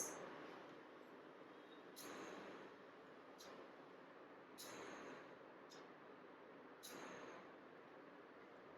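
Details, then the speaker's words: Child taking deep, slow breaths through an asthma inhaler spacer with a lip seal: soft clicks of the one-way valve opening and closing on each breath, about five breaths in nine seconds; correct spacer technique. "and when the child is breathing you should be able to hear the clicking sound of the wall opening and closing"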